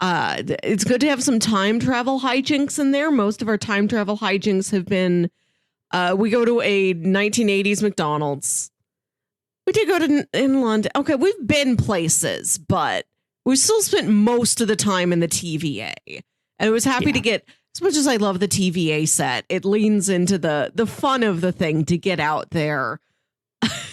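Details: Adult speaker; normal conversational speech.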